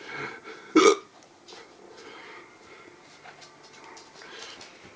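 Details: During a hiccup attack: one loud, abrupt throaty burst near the start, then quiet room noise; a burp or hiccup-like belch.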